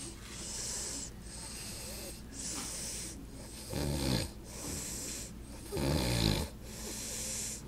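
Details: Sleeping adult uncle snoring: noisy breathing with two loud, rough, fluttering snores on breaths in, about every two seconds.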